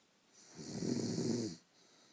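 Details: Snoring during sleep: one long, rough, rattling breath sound on inhalation lasting about a second.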